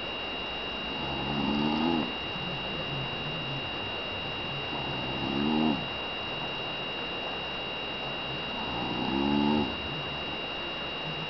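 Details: The speaker's twin sister snoring in her sleep: three rough, rattling snores repeating about every four seconds, roughly 15 breaths a minute, over a steady electrical hum; ordinary sleep snoring.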